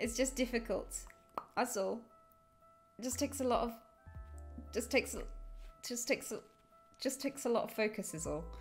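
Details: Woman with Tourette syndrome releasing her first vocal tics after about 16 minutes of suppression, which built up like chest pressure: repeated involuntary phrases and coprolalia; vocal tics (Tourette syndrome).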